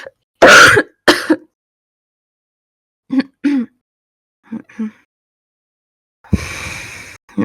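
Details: Woman, former smoker, with suspected vaping-related lung injury (EVALI), permanent congested cough, wheezing and stuffy nose, who thinks she caught a cold: loud, forceful throat clearing, then softer short clearing sounds and a snort.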